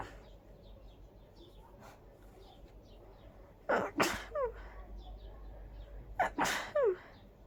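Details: Itchy, miserable sneezing fit: quiet buildup with sharp inhales, then two loud, forceful sneezes a few seconds apart, each followed by a voiced exhale.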